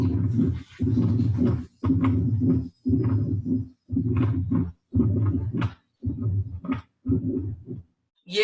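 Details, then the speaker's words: Mitral stenosis: low-intensity, low-frequency diastolic rumble after the second heart sound during ventricular filling, with low rumbling heart sounds at about 60 beats per minute. "o sofrem com flar dela é um sopro de baixa intensidade e de baixa frequência e ele é claro suco diastólico então vocês vão achar esse sopro ali depois de ver dois"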